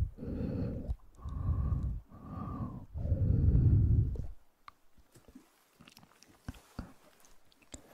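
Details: ASMR recording with breathing, mouth sounds and heartbeat: four loud, forceful breaths in quick succession, then quiet mouth clicks; gasping breaths.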